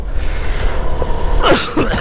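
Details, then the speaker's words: A couple of rough coughs partly buried under loud traffic and engine noise, from a motorcycle rider with flu in heavy traffic; cough. "Grabe UB ko oh grabe ubo ko ngayon guys"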